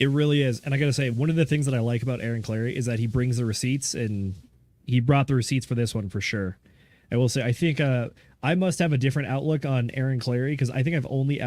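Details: Adult male speaker; ordinary speech.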